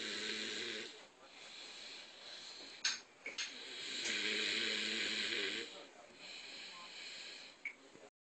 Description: Video during the 2010 Holiday Season of some of the best snoring I've ever seen.. His head doesnt even touch the cushion! lol